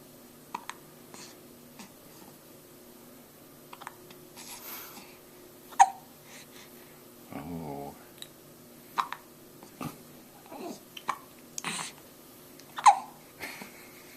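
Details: 4-week-old baby boy filmed with a Flip Video camera: soft, brief catches in breathing recur among coos and babbling in a quiet room; ordinary infant hiccups.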